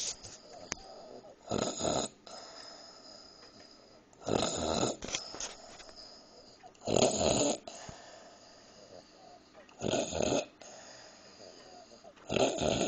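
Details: Woman who fell asleep while eating a midnight snack of green beans: loud, rattling snores on each breath in, about five in twelve seconds, with quiet gaps between.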